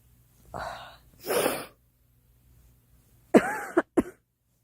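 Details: A girl coughing in a quiet room: two separate cough-like bursts, then a short cluster of three or four sharp coughs.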